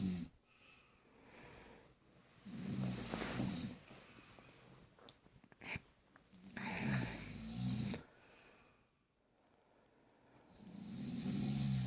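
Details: Sleeping person snoring while the baby moves: low, rough snoring breaths about 15 a minute, with snorts and rustling between; snoring during sleep.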